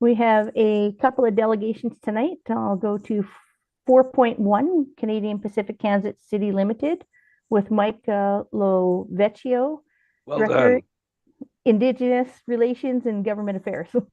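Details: Adult woman speaking in a meeting room; Normal speech.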